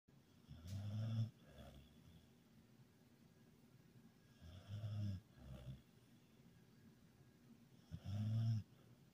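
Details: Sleeping Basset Hound that snores when happy: deep, low snores at an irregular pace, a few breaths with snorting inhalations and quiet gaps.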